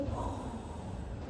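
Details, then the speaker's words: Vocal imitation, not a real recording, of the decrescendo diastolic murmur of aortic regurgitation: a soft blowing, breathy sound that starts loud and fades. "Ya, decreciente comienza fuerte y disminuye su to."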